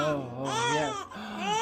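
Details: Loud, tonal wailing cry rising and falling with a brief breath pause from an infant in a small chiropractic clinic room, brought in for gas worsening after feedings; ordinary infant cry.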